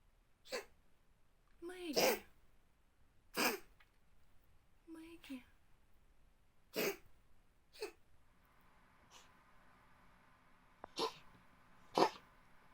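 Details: Oriental cat (white kitten, cough began at 3 months, days after arrival, about every 2–3 days for 1–1.5 months; a second 11-month female later had the same): repeated short harsh expulsive bursts with gagging, coughing or retching.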